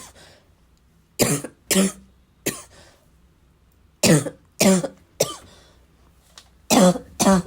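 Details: Persistent bad cough, described as a little wheezy, a little chesty and barking as always: nine harsh barking coughs in bursts with throat clearing during a five-minute coughing fit.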